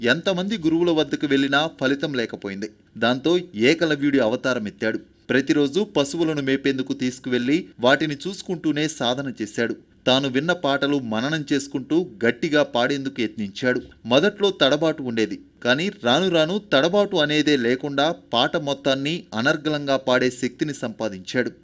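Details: Adult male narrator; normal fluent speech.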